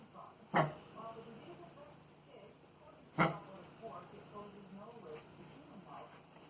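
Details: Dog's cough: two sharp, abrupt bursts about 2.5 seconds apart, then a fainter third, over quiet room noise with faint background voices.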